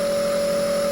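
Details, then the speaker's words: Omron compressor nebulizer in use, running without Ventolin, for a child with only cough and cold: steady loud motor hum with a fixed whine. "Oke, kita nyalakan ya, teman-teman. Ini tidak menggunakan Ventolin ya, teman-teman."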